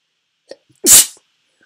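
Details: One sharp, hissing sneeze after a brief inward breath, from a female.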